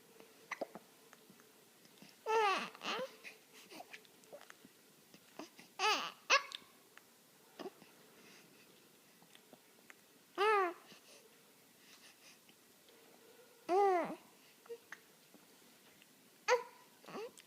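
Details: Young child gives short, sharp, voiced hiccups about every three to four seconds, mixed with babbling: ordinary hiccups.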